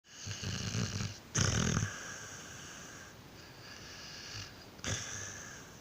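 Low rumbling snores with each breath from a sleeping dog, louder on some breaths; ordinary snoring.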